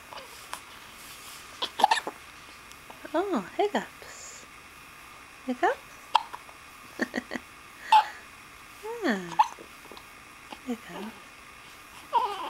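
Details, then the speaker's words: Child with hiccups in the morning, said to get them almost every day: short, sharp hiccups every second or two between brief voiced utterances; hiccups. "I get the hiccups almost every day."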